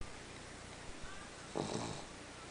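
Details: Snoring in a dog that owner says snores all the time: a single brief low snore against steady background hiss.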